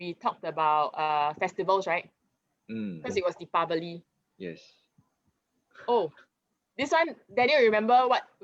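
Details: Adult speakers in conversation; conversational speech.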